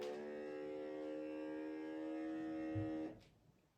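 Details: Home automatic blood pressure monitor, user seated with feet flat and cuff at heart level: steady motor hum as the cuff pumps up about three seconds, then stops; reading 117/65 mmHg, pulse 67.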